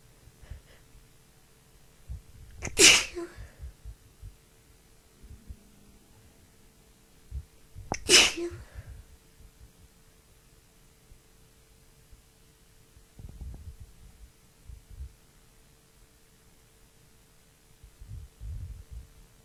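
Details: Two sharp sneezes about five seconds apart, with sniffing and breathing between, over steady room hum, from a woman with a bad tickly cold; repeated sneezing.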